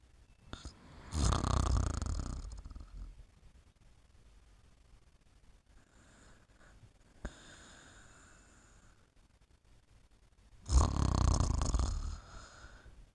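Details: Snoring softly while sleeping: two deep, rattling snores several seconds apart with quiet breathing between; ordinary snoring during sleep.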